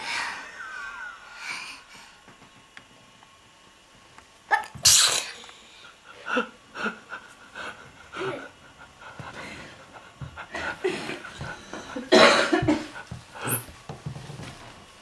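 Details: Girl sneezing: sharp bursts of expelled air with a brief intake before each, at least two clear sneezes, over quiet room noise.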